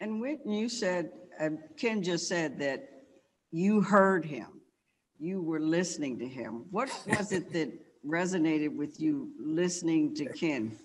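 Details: Adult speaker; normal voice.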